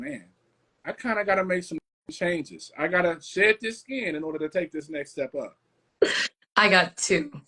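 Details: Adult speaker; Typical speech.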